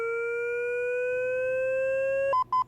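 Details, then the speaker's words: A steady tone rising in pitch, then repeated beeps: the defibrillator charging after "shock advised" and signalling it is ready to shock, during a training demonstration of AED mode on a Physio-Control 20e defibrillator. "If it's not safe to push the shock button, you can press the speed dial to cancel the charge. Or if you don't push the shock button within 60 seconds, the defibrillator will automatically cancel the charge."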